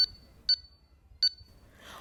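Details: Three short, high, regular electronic beeps, a pulse oximeter with its sensor on a finger sounding each detected pulse at about 80 a minute, during a preventive maintenance check.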